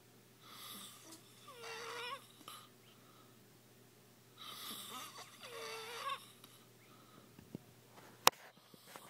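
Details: Quiet snoring in a room: two breaths, each with a rattling, whistly sound on the inward breath and a softer outward breath; snoring.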